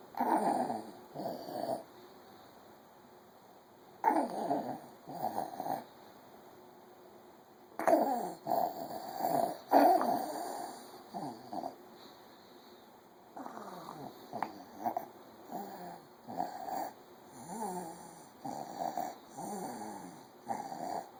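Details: A child's noisy, whistling wheeze in repeated bursts from narrowed airways during sleep, recorded at 1 am.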